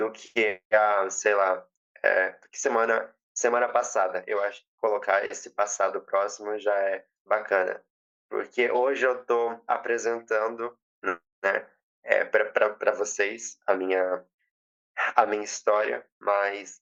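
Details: Stuttering since age 7 in a 20-year-old woman after speech therapy; she says emotions and nervousness intensify it and reports being very nervous.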